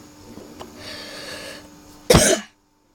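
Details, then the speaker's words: Single harsh, loud cough burst after quiet room noise; young speaker apologizing for the cough. "простите за каждый простите за каша адриан простите за кашель всем удачи до новых встреч"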